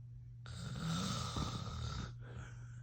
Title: FILMING MY DAD SNORING BIG SNORES AND A BIG YAWN ! *hilarious *